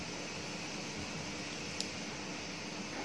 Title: Oxygen Concentrator DEDAKJ DE-2A uses and review. How to use DEDAKJ Oxygen Concentrator